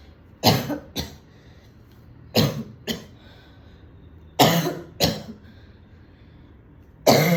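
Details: An adult woman coughing after smoking a cigarette at a party: paired cough bursts, about seven coughs in seven seconds, with throat clearing.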